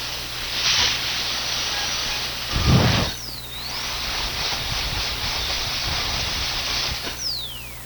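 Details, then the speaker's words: High-pitched, hissing whine of a dental high-speed handpiece (dental drill) in a dental office, pitch dipping and recovering as it slows against the tooth. "right everybody just got goosebumps right because that's the sound that everybody relates dental care to and that is what we call the high speed handpiece that's what we call it some people call it the dental drill"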